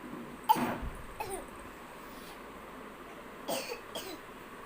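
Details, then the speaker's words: A girl deliberately demonstrating how to cough with a handkerchief: two pairs of short, soft, light coughs over steady room noise; cough. "देखा, आपको कफ होगा तो आप कैसे खांसोगे? With hanky कैसे खांसोगे?"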